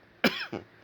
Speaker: so i made a youtube sorry man i'm still coughing up